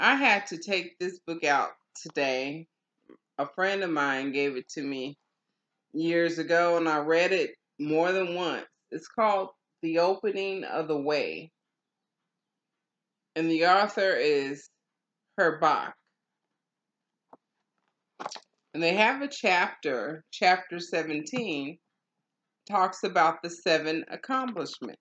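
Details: Adult woman with aphasia after stroke, in stroke and aphasia recovery; aphasia.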